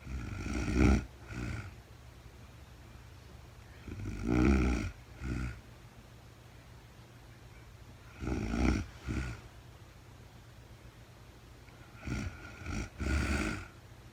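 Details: Real-time overnight recording of a very tired sleeping woman: slow, rough snoring with each breath, about 16 a minute, in a quiet room; snoring during sleep.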